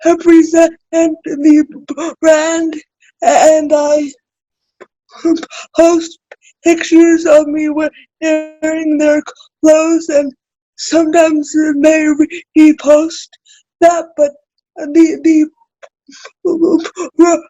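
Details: Adult woman with spastic cerebral palsy, a recent college graduate, speaking in a real podcast conversation; dysarthria due to cerebral palsy.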